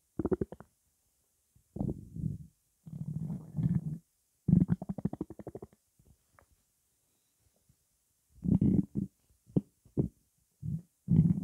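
Low gurgling, bubbling bursts separated by quiet gaps, stomach gurgling from fluid and gas moving through the gut after a fizzy drink.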